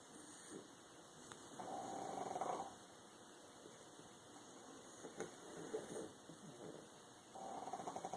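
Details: Pug snoring: irregular snorting, buzzing snore sounds, a few breaths over eight seconds, with a steady hum behind.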